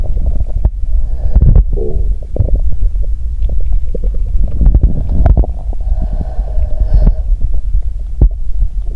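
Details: Low rumbling bowel sounds (borborygmi) from the abdomen after drinking cola and swallowing Mentos. The stomach was described as at its limit.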